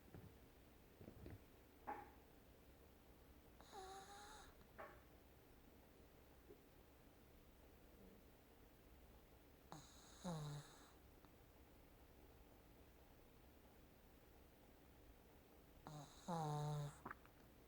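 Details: Puppy sleep-talking and snoring while asleep in a quiet room: soft, intermittent nasal snorts and whimpery sleep sounds roughly every six seconds.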